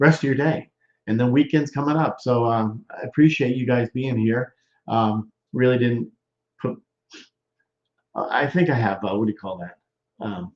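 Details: Broca's expressive, non-fluent aphasia in a male stroke survivor more than 13 years post-stroke, with word-finding difficulty, trouble with function words, word substitutions and halting speech.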